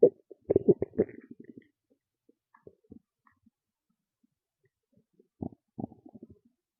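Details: Loud stomach growls and gurgles: irregular low gurgling rumbles in short bursts; ordinary stomach growling, bowel sounds (borborygmi).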